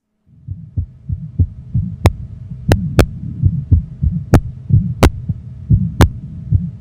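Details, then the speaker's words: Child's heart: fast beat about 100 a minute with a low humming vibration between beats; Still's murmur, an innocent vibratory systolic murmur at the left lower sternal border, from normal ventricular ejection flow; softer when sitting or standing. "Stills murmur is a vibratory systolic murmur at the left lower sternal border. It's caused by normal ventricular ejection flow."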